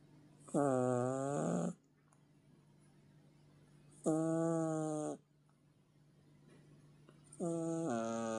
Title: Kitty extreme snoring 😲😹😹😹#funny animals #Animal care